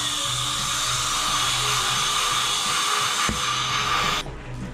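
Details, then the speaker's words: Dental drill adjusting 3D-printed test teeth on day two after dental implant surgery: a continuous high-pitched whine that stops near the end, with a low hum and music in the background. "weird with me drilling on your teeth without any feelings"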